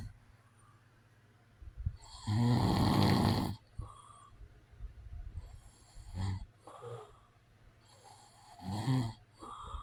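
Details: Real recording of an adult man snoring in a quiet room: loud, rough snoring with irregular breaths, one long heavy snore followed by shorter snorts.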